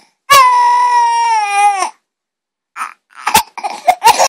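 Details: One of 7-month-old twin boys cries after his twin steals his dummy (pacifier): one long, loud wail, then short sobbing gasps and broken cries.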